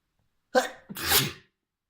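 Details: Short voiced intake of breath, then one forceful, spraying sneeze from a trans girl, induced by tickling her nose with a fluffy white feather; a messy sneeze.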